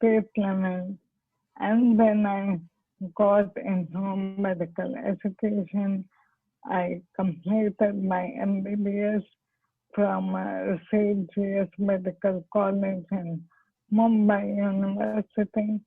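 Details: Dysarthria in amyotrophic lateral sclerosis (ALS/motor neurone disease) in an adult woman, a doctor who is herself an ALS patient, speaking spontaneously.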